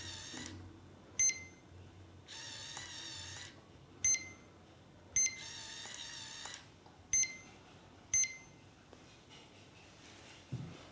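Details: Repeated short high beeps and longer tones from a CADD Legacy PCA morphine pump as a clinician bolus is stopped by holding the on/off key to stop the pump; training demonstration.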